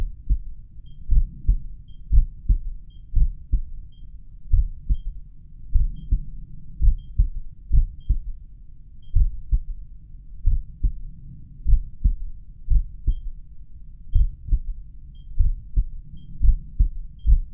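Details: Person's own resting heartbeat, probably at the mitral area, with a pulse oximeter counting the rate: slow, regular heartbeat at about 50 a minute through a stethoscope, with the low heart rate alarm beeping; bradycardia.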